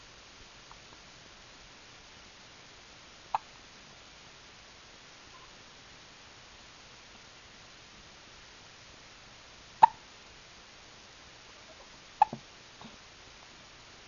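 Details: Three or four brief, sharp, irregular hiccup sounds in a quiet room: hiccups.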